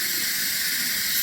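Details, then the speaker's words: Dixtal 3012 pulmonary ventilator: rotating the rear compressed-air purge valve releases excess air, with a loud continuous hiss; any dirt in the supply line collects in the purge. "para liberar o excesso de ar, e se tiver alguma sujidade na rede, vai parar aqui no suspiro."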